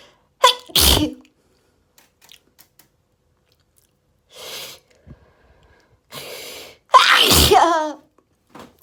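Several sharp sneezes in quick succession with quiet breaths between; a repeated sneezing fit from allergy.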